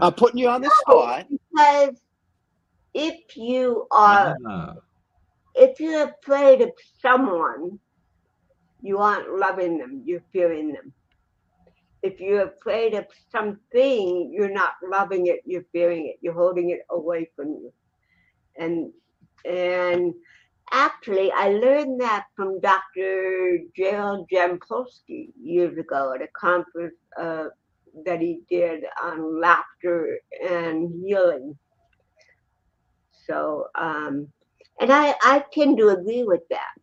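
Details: Adult woman, an actress and comedian, born with cerebral palsy in 1956; dysarthria due to cerebral palsy.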